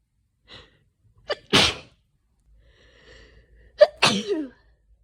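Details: Adult coming down with an autumn common cold caught from a sneezing coworker: two sneezes, each a short inward catch of breath and then a sharp, explosive burst of air; sneezing with a cold.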